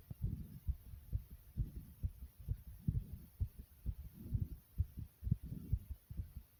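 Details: Person's own heartbeat, described as fast yet soft: soft, rapid, regular low thumps at roughly 130 beats a minute, muffled under a faint hum.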